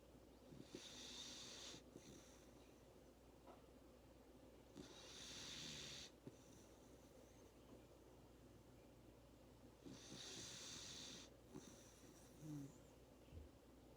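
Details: Labrador Retriever puppy napping after a hard day of play: soft, airy, hissing breaths every few seconds, about 13 a minute, with faint nasal snorts; light snoring.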